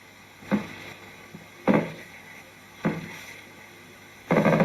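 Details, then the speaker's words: Regular, rhythmic bursts with a marching quality over background hiss on needle EMG; myotonic discharge. "You can hear the marching sound. So that was the myotonic discharge."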